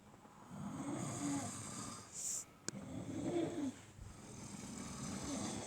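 Rough, rattling snores repeat with each breath in a quiet room, with a brief click partway through; ordinary snoring.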